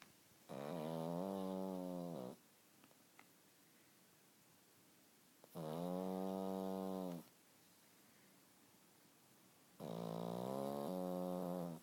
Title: Snoring Pug.